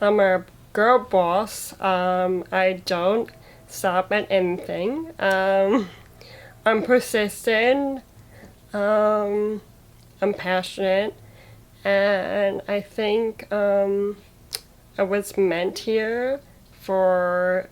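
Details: Young woman with muscular dystrophy who had a stroke at age 22 in December 2016, with right-sided paralysis and loss of speech. She is speaking during recovery and finds word choice hardest; aphasia after stroke.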